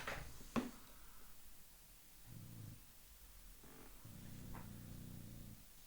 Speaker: i don't know if you can hear that but the dog is snoring like crazy hold on can you hear that